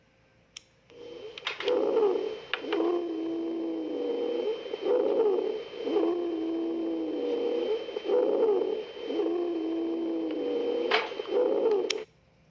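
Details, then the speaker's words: Wheezes: repeated continuous, high-pitched, musical whistling tones rising and falling with each breath, indicating partial obstruction or bronchospasm of small airways. "another types of continuous is the Vita's with wheezes is a continuous high pitch and it sounds like this"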